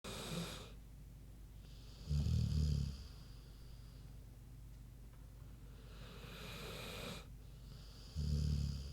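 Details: Sleeping pig snoring: deep rattling snores on the in-breath every few seconds, about 9–10 breaths a minute; snoring.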